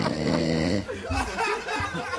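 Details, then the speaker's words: Loud snoring from a man audible during a radio broadcast, likened to a pig. "on vous entend ronfler c'est quand même pas de notre fautez"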